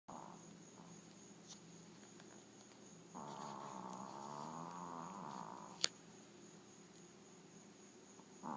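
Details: A sleeping Maltese, a tiny dog, snores with a low, rattling buzz that swells into a louder, wavering stretch; snoring.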